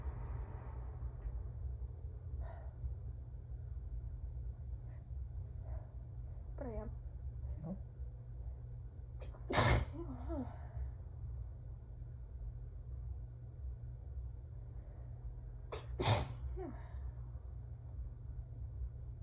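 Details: Allergy sneezing fit, second episode after nose-blowing, with a burning nose: two sharp sneezes about six seconds apart, with sniffing and soft breaths between over low room hum.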